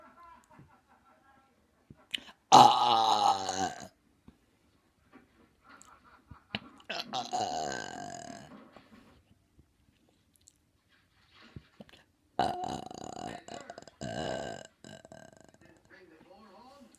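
Three loud, drawn-out belches with gaps between them, in a quiet room.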